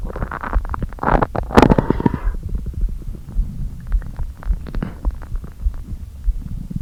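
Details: Empty stomach after not eating all day, abdomen deliberately inflated a little: empty-sounding groans, with air seeming pushed back and forth; bowel sounds (borborygmi).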